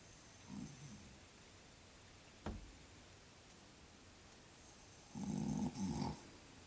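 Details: Adult man (a father who denies snoring) asleep in his bed: soft, low, rattling snoring breaths with a brief knock between them; snoring.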